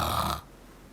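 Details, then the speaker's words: Adult imitating snoring with open mouth, a single brief rough rattling inhaled snore from uvula vibrating against the nasopharynx, as in mouth breathing with postnasal drip: imitated snoring. "목젖이 떨리면서 어 비인두 부분과 마찰이 일어나면서 나는 소리가 코고리 소리죠"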